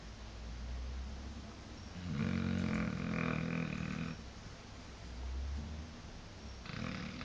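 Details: Blue Shar Pei dog sleeping: low, rumbling snores with a long harsh snore in the middle and quieter breathing around it. Snoring.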